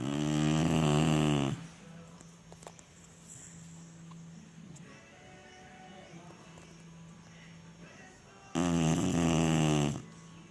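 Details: Sleeping Chinese Shar-Pei dog snoring: two loud, buzzing, vibrating snores about eight seconds apart, with a faint steady hum between them.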